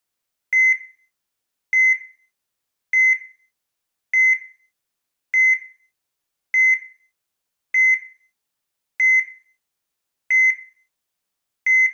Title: Heart Monitor Sound Effect